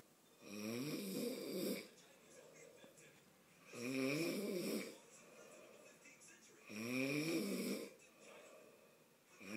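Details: An adult man (a child's father) snoring: three loud, rattling snores on in-breaths, about 20 breaths a minute, with quieter out-breaths between; snoring.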